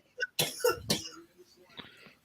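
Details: Adult coughing close to the microphone after others complained about the coughing: two loud, harsh cough bursts, then faint voices.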